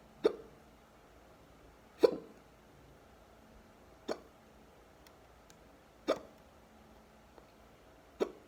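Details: Deep hiccups: five sharp, deep gulping hiccups at irregular intervals of about two seconds, roughly 34 a minute, in a quiet room.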